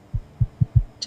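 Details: Goose heartbeat heard during an enhanced pre-processing check in a week-8 finishing barn: four low, strong thumps in about a second, a fast regular heartbeat, with a brief rustle at the end.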